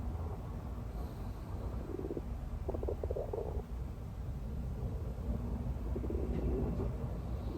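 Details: Low gurgling, rumbling stomach growls in short bursts over steady background noise while sleeping; ordinary bowel sounds.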